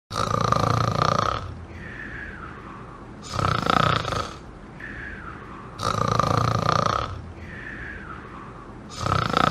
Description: This is the sound of a person snoring.